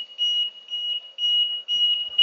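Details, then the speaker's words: LTV 1200 portable ventilator: repeated high-pitched beeps, circuit-disconnect alarm after fully disconnecting the breathing circuit during a setup demonstration. "se eu desconecta totalmente ele dá circuito desligado dá um monte de alarme então por isso que é importante que essas conexões aqui estejam bem"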